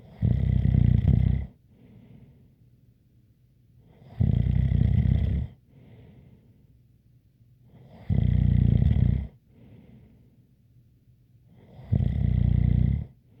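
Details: Loud, rumbling snores every four seconds, about 15 breaths a minute, each followed by a faint light whistling breath out.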